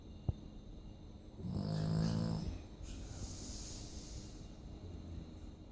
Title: Snoring dog /chrapiący pies